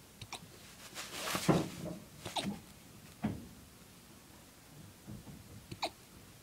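Several soft, short hiccup-like jerks and small breathy sounds from a puppy in a quiet room, repeating at irregular intervals.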